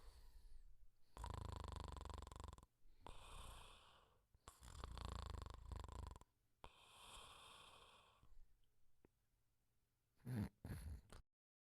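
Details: Cartoon Pink Panther snoring quietly, comic acted snoring: long rumbling snores alternating with whistling out-breaths, then a short burst of sounds.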